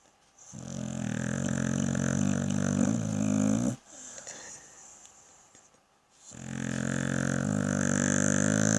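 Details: Two long, loud, rattling snores separated by a quieter exhale from a sleeping pit bull dog; heavy snoring.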